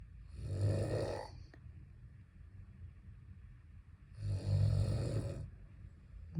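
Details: Snoring, apparently from the owner, that keeps a pet dog awake: two long, low, rattling snores about four seconds apart, each with a brief noisy inhalation, in a quiet room.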